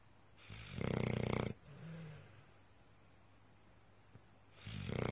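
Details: Pit bull snoring loudly while asleep: loud, rattling inspiratory snore, then a softer snort-like out-breath as the next cycle begins.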